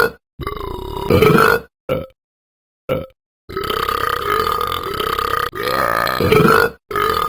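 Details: Excessive burping after one drink: a run of loud, drawn-out voiced belches with short pauses between them.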